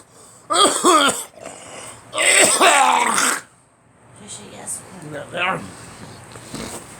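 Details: Two loud, harsh, voiced coughing bursts with throat clearing, then quieter throaty sounds in a small room; others remark the person has been out in the cold too much; cough.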